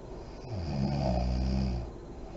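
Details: Adult woman (mother) snoring in deep REM sleep with lights on, with deep breathing and lip blowing: a single low, rattling snore on a breath in, about a second long.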